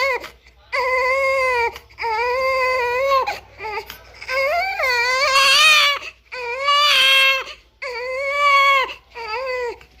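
Loud, sustained high-pitched wails in repeated bursts with brief breaths between; a typical newborn cry.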